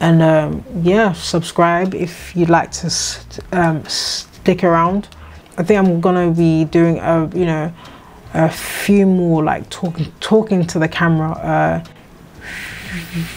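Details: 26-year-old woman with a lifelong stammer that has come and gone and was at times severe, treated with speech therapy; she says it is more prominent here because she is tired and slept badly; stuttering (stammering).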